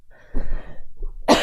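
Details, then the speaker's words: One short cough burst then a sharper second burst in a quiet small room; girl who says she coughs a lot all night. "And if you want to see like man, I cough so much all night."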